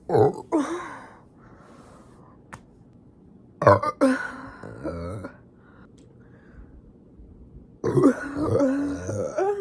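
Several short rough throaty bursts separated by pauses, fitting throat clearing or burps, with a little voiced sound after.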